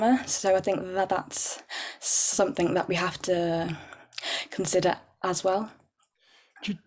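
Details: Real, overt stuttering (stammering) in an adult woman who stammers, with repetitions and blocks.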